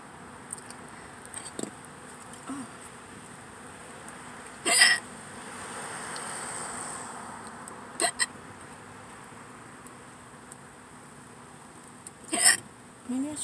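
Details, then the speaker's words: Adult sitting in a car in a parking lot before eating, with hiccups: three sharp, brief catches roughly every three to four seconds over quiet car and outdoor background; hiccups. "I think hiccups and burps at the same time so weird yeah my body's like come on do something"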